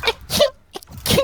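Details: A cute, high-pitched "anime-style" sneeze.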